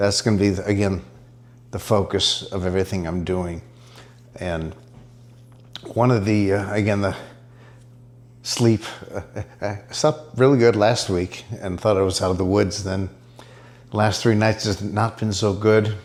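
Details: Dysarthria in an adult man diagnosed with multiple system atrophy; he reports his speech is improving after ibogaine treatment taken about 6 weeks earlier.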